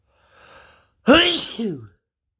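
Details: Sneeze during an intense cold: a soft indrawn breath followed by one loud, explosive sneeze with a voiced tail.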